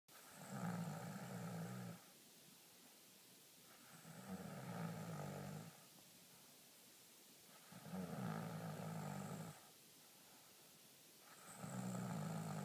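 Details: Snoring: slow, regular low rattling snores on each inhalation, about five in 12 seconds, with quiet pauses between; ordinary snoring.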